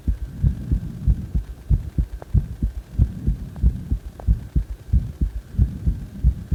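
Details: Steady low thumping heartbeat, about 90 beats per minute, recorded during or after CPR.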